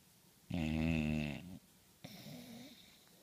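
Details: Dog asleep gives one loud, rattling inward snore, then a softer, quieter breath a moment later; snoring.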